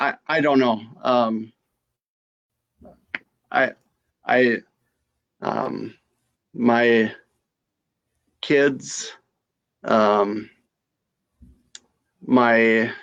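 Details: Aphasia after stroke in a female stroke survivor.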